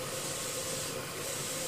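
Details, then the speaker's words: MetaNeb airway clearance in a young cystic fibrosis patient, CPEP mode at middle flow setting, cheeks kept stiff: steady hiss of pressurized airflow, alternating with CHFO cycles and huff coughs. "so the main main thing for is to keep his cheeks stiff you don't want their cheeks to to flutter out so so he wants to concentrate on keeping his cheek nothing and just breathing with the"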